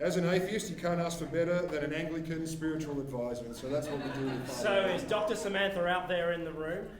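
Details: Adult man speaking; normal voice.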